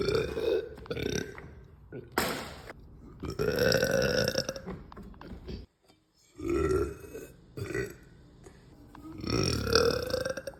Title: deep loud burps after lunch